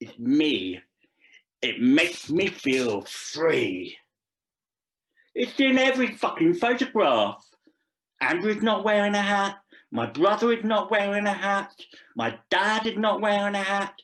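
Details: Deaf speech from a Deaf adult male actor performing a script about a deaf man who speaks.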